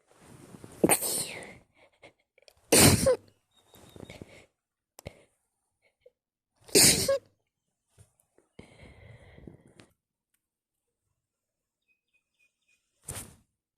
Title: Sneeze attack on bed at nigth